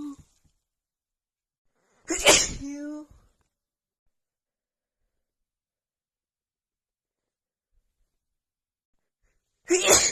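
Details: Female having an itchy sneezing attack: a loud, sharp sneeze with a voiced trailing tail, then another sneeze about seven seconds later; repeated sneezing.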